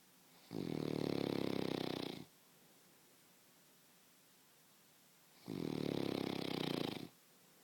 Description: My husband wakes me up with his snoring